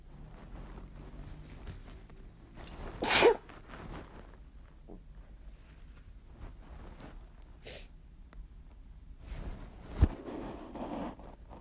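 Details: Two strong, forceful sneezes after taking chhinkni, one near the start and a sharper one later, against quiet room noise.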